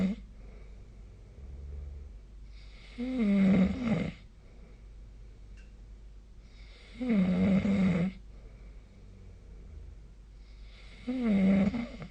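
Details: Snoring recorded with the SnoreLab snoring app: loud, rattling snores recur about every four seconds, roughly 15 a minute, with quiet breathing between.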